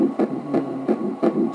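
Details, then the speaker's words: Early fetal heartbeat of an IVF pregnancy at about 8 weeks on ultrasound Doppler: fast, regular whooshing pulses at roughly 160–170 beats a minute, judged a good, normal heart. "是八左右四天的胎儿心跳嘛，试管宝宝。"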